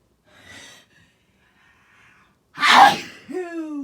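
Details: A quiet indrawn breath, then one very loud, explosive sneeze with a voiced trailing end; sneeze.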